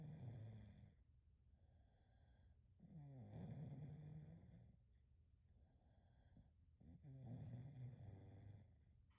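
Rhythmic low, rumbling snores with each breath, about 17 a minute, from a sleeping dog.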